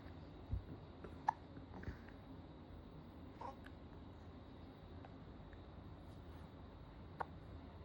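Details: Young child's hiccups: a few brief, sharp little catches of breath at irregular intervals over quiet room noise.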